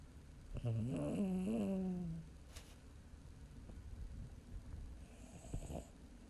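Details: 10-year-old female Chihuahua–Shih Tzu mix sleeping with her tongue out, snoring: a loud, drawn-out rattling snore on the in-breath, then quieter breathing with a short snort.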